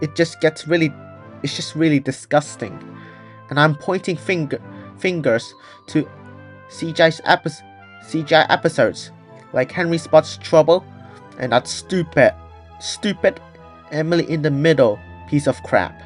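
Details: Person who stutters, with audible part-word repetitions; stuttering.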